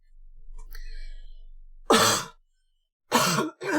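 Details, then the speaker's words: Adult livestreamer, voice gone raspy, attributes it to asthma mucus: a low hum, then three harsh throat-clearing coughs. "I'm sorry for my voice going all raspy."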